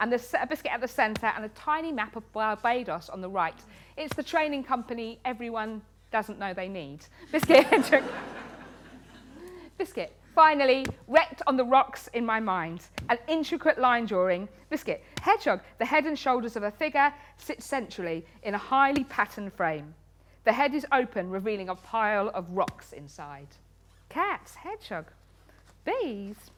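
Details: Woman with Tourette syndrome, a neurological condition causing involuntary movements and noises; frequent vocal tics include "biscuit" (up to 16,000 times a day), "hedgehog" and "cat"; also has coprolalia. Finding: Tourette syndrome vocal tics.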